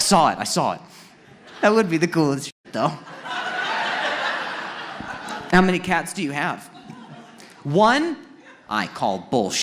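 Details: Acquired neurological stuttering in an adult man; onset at age 20 after a head injury from a softball hitting his throat, which first left him unable to speak.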